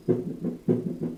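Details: Teaching recording of cardiac auscultation with a stethoscope, played as an example of a pathological (abnormal) heart sound in contrast to normal S1 and S2.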